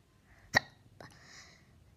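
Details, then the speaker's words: A single sharp hiccup from a child who has had a bout of hiccups: a sudden abrupt catch of breath with a brief voiced squeak. "but it's not because I'm losing my voice is because I have a bit of hiccups and I don't really like having hiccups"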